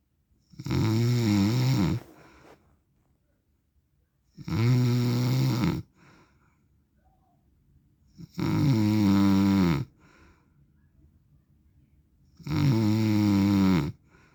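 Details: Real recording of an adult man sleeping: loud, regular snoring at about fifteen breaths a minute, with quiet exhalations between snores.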